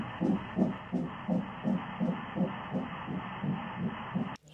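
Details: Fast, regular whooshing pulses at about 165 a minute over a steady hiss: fetal heartbeat heard at the mother's first pregnancy ultrasound.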